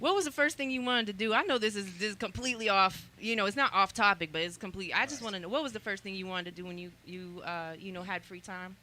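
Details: Adult speaker in a studio; Normal conversational speech.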